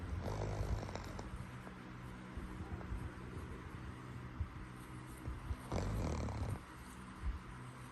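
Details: Dog snoring: soft, low rumbling snores with breathing and one louder snorting snore partway through. Ordinary dog snoring.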